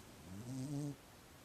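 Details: Sleeping cat named Sandy snoring: a single soft, low, fluttering snore.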